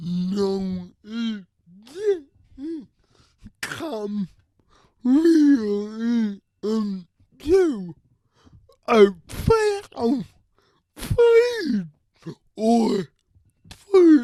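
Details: Adult man with cerebral palsy and a speech disability who uses a wheelchair and walker, with his words re-voiced by another person; dysarthria.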